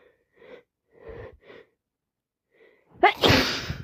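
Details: Person with a cold who cannot stop sneezing: a few catching in-breaths build up, then one loud, explosive sneeze; sneezing.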